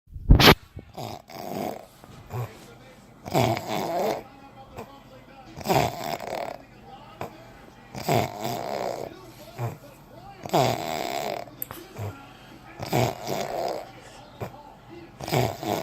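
Rough, rattling snores on each breath in, roughly every two and a half seconds, about 24 a minute; ordinary snoring.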